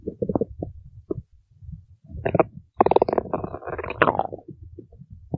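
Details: Stomach growling (borborygmi): irregular gurgling and squeaky bubbling bursts building to a longer rumble.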